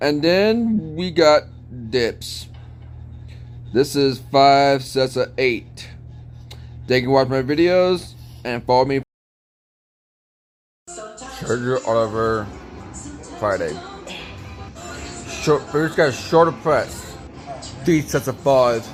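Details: Man with an unspecified speech impediment present since childhood; speech impediment.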